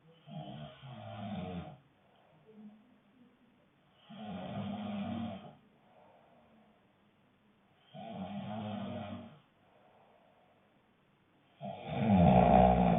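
Loud, rough rattling snores on each breath in, about four over thirteen seconds, with quiet breaths out between: snoring.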